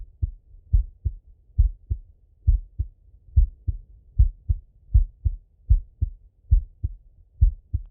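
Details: Steady, regular paired lub-dub heart sounds at about 72 beats a minute without added noises, self-recorded full stethoscope auscultation of a male, sitting at a desk or lying in bed: normal heart sounds.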